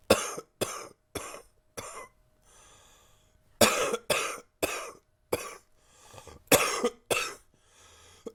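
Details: Chesty cough with some congestion from a current cold: about ten harsh, loose coughs in two bursts with breaths between.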